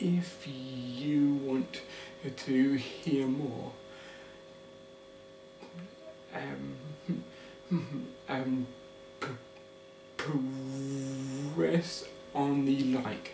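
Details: Adult man living with a stammer: stuttering.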